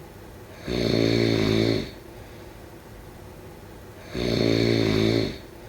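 Two long, buzzing snores on the in-breath, about three and a half seconds apart. Steady snoring in sleep.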